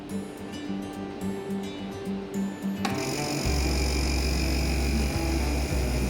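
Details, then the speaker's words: Click, then a steady low motor hum with faint whine as a suction machine is switched on to prepare catheter suctioning of airway secretions, with background music; nursing procedure demonstration. "lanjut Lego kateter penghisap dengan selalu penghisap kita menghidupkan mesin"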